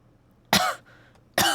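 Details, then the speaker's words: Two short, harsh throat-clearing coughs in a quiet room from an adult streamer with an unusually severe cold since the first day of a group stay, headache, not thought to be COVID after hospital visit; cold cough. "어 근데 이번에 이제 감기가 좀 심하네 이게 내가 감기 원래 잘 안 걸리거든요"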